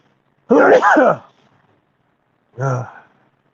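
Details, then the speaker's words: An adult sneezing repeatedly: one loud voiced sneeze, then a shorter burst. Allergies suspected. "The hell's going on with me today, man? Sneezing everywhere."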